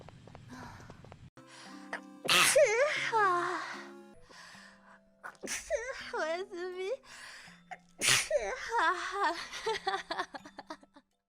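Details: Three sharp sneezes, each a sudden burst trailing into a voiced sound, over soft background music: sneezing.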